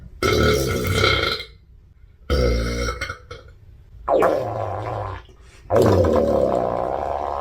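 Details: Girl (volleyball player): four long, loud, gurgling voiced belches separated by short pauses; burping.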